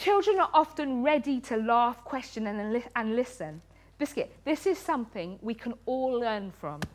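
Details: Woman with Tourette syndrome, including coprolalia, whose involuntary vocal tics include words repeated many times a day, ticcing during a lecture; vocal tic (Tourette syndrome).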